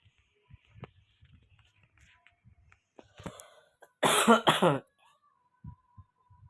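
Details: Coughing at home during family conversation; two loud, harsh cough bursts close together against quiet room noise, with a faint tone afterward; an ordinary cough.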